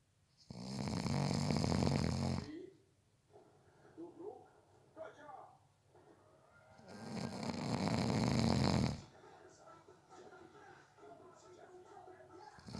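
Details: Two long, loud, rattling snores about six seconds apart, with quiet breathing and faint room noise between them: snoring during a short nap.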